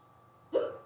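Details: Severe, very fast hiccups that began suddenly on waking and lasted almost 20 minutes in someone who rarely gets hiccups, recorded in the last ten minutes: a single short, abrupt voiced gulp after silence.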